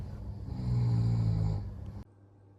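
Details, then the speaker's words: An adult man asleep in a hotel room snoring: a single low, rough rumbling snore that swells and fades over about two seconds, then quiet room noise. "Unfortunately, he he does snore as you can"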